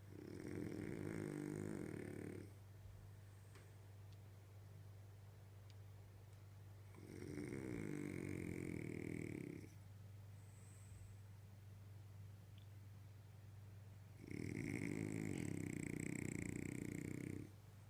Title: Valentina the Frenchie snoring